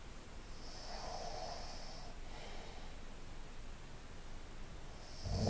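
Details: Person lying on their side snoring nasally: soft, noisy breaths with a faint rasp on the in-breath over steady room hum; mild snoring.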